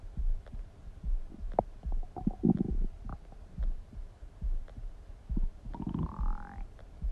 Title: Stomach Sound ASMR | My Stomach Makes Noises